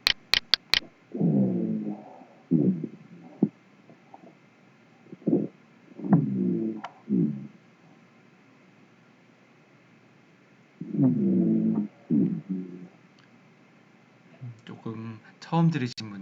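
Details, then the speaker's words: Teaching example of breath sounds: low-pitched, gurgling, snore-like musical sounds with each breath, rhonchi from secretions in large airways, which may clear after coughing up sputum or bronchoscopy. "가래가 이렇게 있는 경우에 어 그르르 그르 하는 소리가 되겠습니다 라지 시크리션 있는 거고 뮤지컬 사운드 그르릉 그르 걸기 스노링 비슷합니다로 피치가 되겠고"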